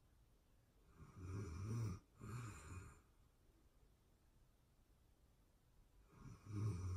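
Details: Real-time recording of a person asleep, excerpted from a longer session: soft rattling snores on breaths with a quiet pause between; ordinary snoring.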